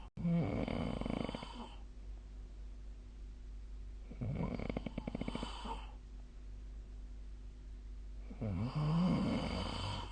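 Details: Three rattling, fluttering snores about four seconds apart, roughly 15 breaths a minute, with a steady low hum in the room; sleep recording of 2025/03/01, possibly made with the SnoreLab app.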